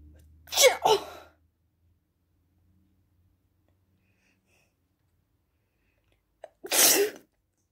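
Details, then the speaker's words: A person with a bad cold, home from school and taking cold medicine that isn't helping, sneezes twice, forcefully and wetly, several seconds apart, with a quick inhalation before each; sneezing. "See the snot, okay? So I can actually feel a sneeze coming right now."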